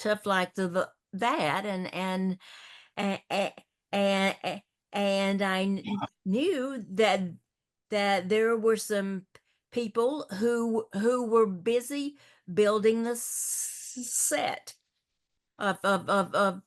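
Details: Stuttering in a woman hosting a support discussion for older adults who stutter, who also reports a paralyzed vocal cord; stuttering.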